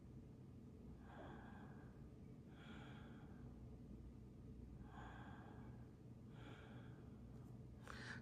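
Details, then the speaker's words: Normal quiet breathing: soft, even airflow in and out, about two calm breath cycles, recorded at the throat by an electronic stethoscope patch during setup of sleep breathing-sound monitoring with pulse oximetry. "接下来不要讲话，平静呼吸个3-5下。"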